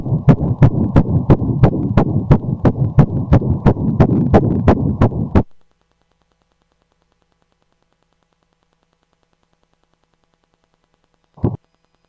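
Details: Fetal heartbeat on ultrasound at 8 weeks of pregnancy: a rapid, regular whooshing heartbeat of about 175 beats a minute, then silence.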